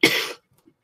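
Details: Adult on the first day of feeling better after nine days ill, with an annoying dry cough blamed on a running nose: a single short, sharp cough with no rattle or wet sound; dry cough.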